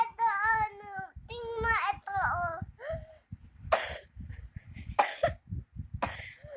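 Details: A child makes whiny voiced sounds, then gives about three short, harsh coughs.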